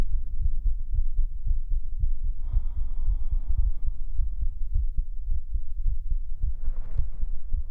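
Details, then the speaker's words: A pre-recorded normal heartbeat used as an ASMR trigger: steady, regular low thumps with a brief tonal sound and a soft rustle layered over them. "How was the heartbeat? So, I hit a a lower thump. These are beats have been pre-recorded so I can do brain tingles tonight."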